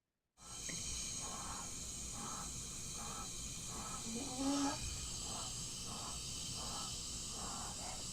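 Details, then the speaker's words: Sick child on oxygen with saturation 94%: rapid, laboured breathing at about 90 breaths a minute over a loud hiss, with expiratory wheeze and retractions everywhere; tachypnoea with respiratory distress. "this kid's breathing really fast and is retracting everywhere"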